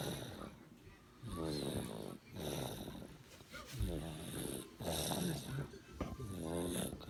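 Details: Snoring during sleep: repeated rough, rattling breaths, about one every 1.5 to 2 seconds.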